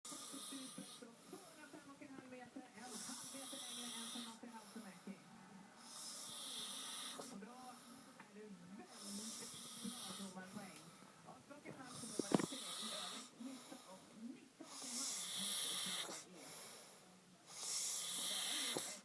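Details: Adult snoring: repeated rough, raspy breaths with some whistling edges, roughly 20 a minute, against hiss and faint voices.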